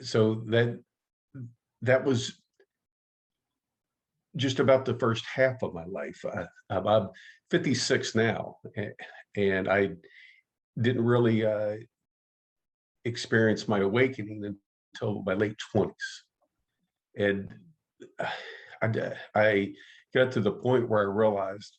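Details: Stuttering in an adult man who identifies as a person who stutters and has been active in the stuttering support community for over 25 years.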